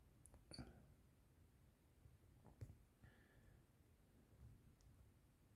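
A few faint, abrupt hiccup sounds from an adult in a quiet room, roughly one every two seconds.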